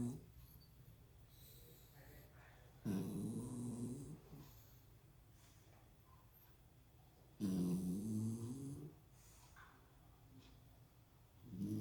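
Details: Dog asleep on its back, snoring loudly; rumbling inhalation snores every few seconds, about 13 a minute, with quiet stretches between.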